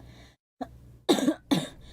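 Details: Girl, apparently a child; a soft throat sound, then two short, loud cough bursts with faint room noise; cough.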